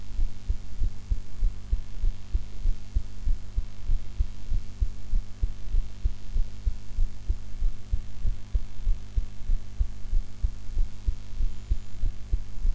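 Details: Own heart recorded after eating, in a different posture from usual: regular low heart thumps at about 97 beats a minute over a steady background hum; normal heart sounds.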